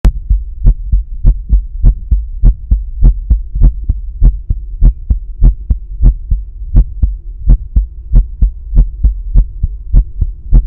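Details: Heart sounds heard with a stethoscope at the pulmonic area during breath holds, alongside a visible carotid pulse; normal heart sounds.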